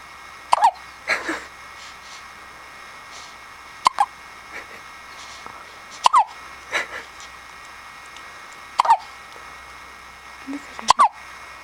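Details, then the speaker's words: 1-week-old baby girl with hiccups lasting almost a minute, which get louder and higher pitched with a finger in her mouth: five short, abrupt, squeaky hiccups about every two to three seconds over a steady room hum. "Oh, you got the hiccups. Go, go, go. In and out."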